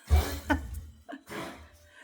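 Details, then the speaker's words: A dog, probably Arty, coughs in a few short, harsh, muffled bursts across a room, possibly after getting too excited; owner notes the dogs are coughing. "And we were saying the dogs are coughing. I don't know if you can hear that. I think it's Arty."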